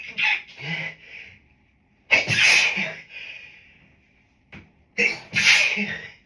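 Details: Three sharp, partly stifled sneezes with quick inward gasps before each, from an adult with grass-pollen allergy, here set off by a dog brought into the office; repeated allergic sneezing.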